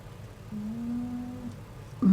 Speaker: cat oscar's snoring is so loud right now i don't know if you can hear it and i'm curious to know if my microphone is picking that up